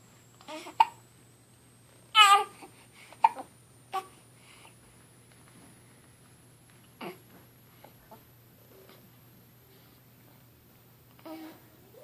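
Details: Hiccups: sharp, abrupt voiced gulps recurring at irregular intervals, several in twelve seconds, in a quiet room.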